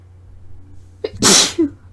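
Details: Quick indrawn breath, one loud hissing sneeze with a short voiced trail; deliberately induced sneeze while talking, from someone reporting bad allergies worsened by drastic temperature swings; sneeze.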